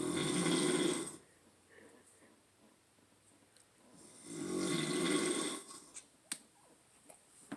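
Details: Loud snoring from a man asleep on a couch: two long, loud, rattling snores about four seconds apart, with quiet breathing between them, recorded in a small room.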